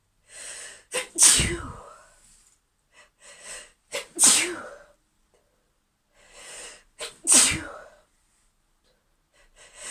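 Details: Three sneezes, each preceded by short catching inhalations then a sharp explosive burst, from a female with an injured back that makes sneezing painful, in a quiet room; repeated tickly sneezing.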